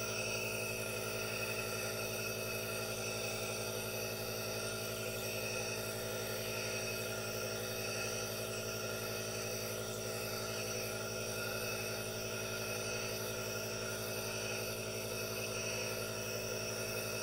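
Steady, unbroken motor hum with a hissing rush of air throughout: a nebulizer running continuously.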